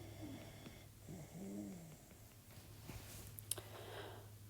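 Soft snoring from a sleeping puppy, with a low, slightly whistling breath sound over steady room hum.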